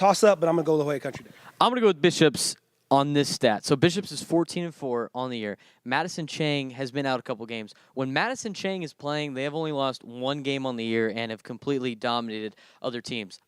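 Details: Adult male speaker; normal speech.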